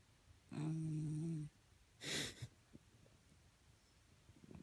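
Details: Snoring from a very tired sleeping Corgi: one steady, humming snore on the in-breath, then a short breathy out-breath.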